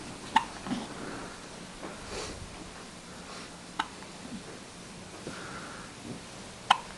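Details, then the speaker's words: Baby's first hiccups: three short, sharp hiccups a few seconds apart in a quiet room, while the family pet investigates; normal event. "Who's making all this noise? No, I'll go back to the front. What is that? Those are baby hiccups."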